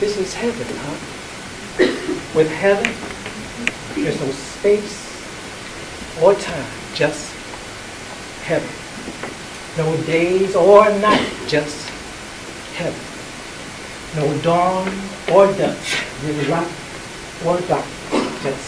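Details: Adult performer with aphasia after a stroke, speaking in a play developed through aphasia research and therapy-through-arts programs; real, not acted impairment; aphasia.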